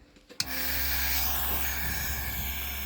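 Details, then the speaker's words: Rcom Pet Curadle B90 veterinary chamber demonstration: nebulizer pump hooked up and switched on, nebulizing non-colloidal silver into ultra-fine mist with a small fan engaged: a click, then a steady low hum with even hissing and rasping. "I'm just doing this as a demonstration now we have a nebulizer pump that is hooked up here"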